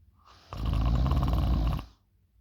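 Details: Loud snoring: one loud, deep, rattling snore lasting just over a second, a harsh low vibration on the in-breath.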